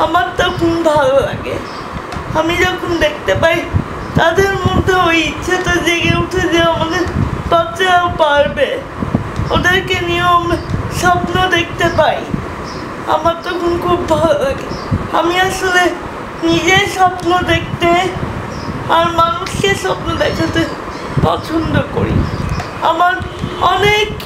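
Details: 19-year-old woman with cerebral palsy recognized soon after birth, wheelchair user unable to use hands or legs, for whom speaking is very difficult; dysarthria due to cerebral palsy.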